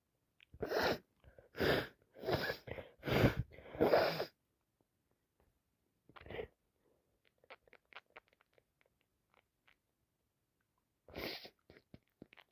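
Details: Adult with a worsening head cold at work: a rapid run of five explosive wet sneezes, then quieter sniffing and a nose blow; sneezing.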